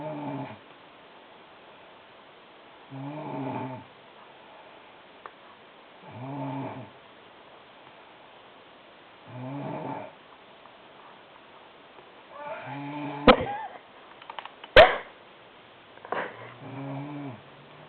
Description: My sister snores wayyy too loud!